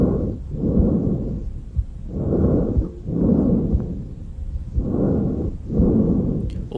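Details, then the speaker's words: Normal tracheal breath sound over the neck and tracheal projection: loud, harsh, hollow breaths from air passing through the trachea and glottis, with a shorter inspiratory component and a clear pause between inspiration and expiration. "o primeiro representante é o som traqueal que se localiza na região do pescoço projeção da traqueia e região external ele representa a passagem do ar pela traqueia e pela fenaglódica seu componente inspiratório é menor e existe uma pausa entre eles"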